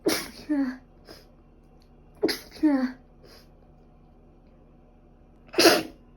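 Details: Person with a cold plus allergic rhinitis, runny and stuffy nose, feverish for five days: three sharp sneezes in about six seconds, two followed by a short voiced sound.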